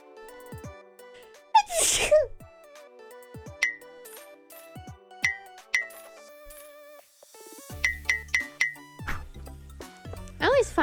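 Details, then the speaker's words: Streamer who had felt a sneeze coming during a game stream: a single sharp sneeze burst over background music and chiming sound effects; sneezing. "everyone's sneezes are so unique and different everyone sneezes so differently I feel like I have a very like very common way of sneezing"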